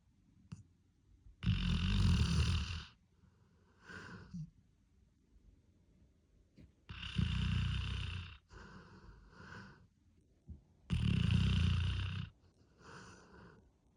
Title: Snoring Kappa